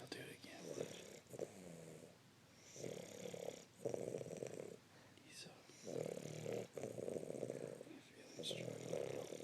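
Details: Snoring: repeated low, rattling snores with each breath, roughly one every one to two seconds, with some soft whistling on the out-breath.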